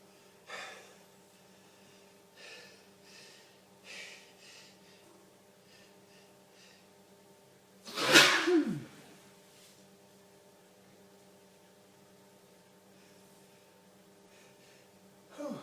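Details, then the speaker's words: Adult man during a long sneezing fit, with watering eyes and a streaming nose: a few soft sniffs and breaths, then one loud, forceful sneeze with a sharp burst over a low room hum. "is a sneezing explosion. Not done. My eyes watering, my nose streaming. I'm still sneezing."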